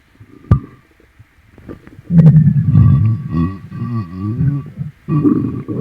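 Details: Loud, long, low gurgling and groaning rumbles with sliding, wobbling pitch from a painful, upset stomach being stroked clockwise; the person suspects something they ate: stomach growling (borborygmi).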